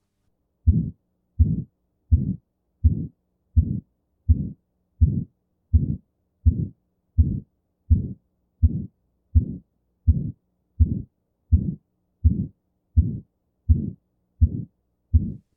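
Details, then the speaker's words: Regular, harsh systolic murmur at about 83 a minute with an essentially inaudible second heart sound and no discernible dub. This reflects a badly calcified, stenosed aortic valve that barely opens or closes: critical aortic stenosis murmur with absent second heart sound. "key finding in this murmur is that the second heart sound is essentially inaudible there is no discernible dub at the end of the murmur and this tells you that the aortic valve is so badly calcified and stenosed that it's barely opening and therefore barely closing and not making a significant sound"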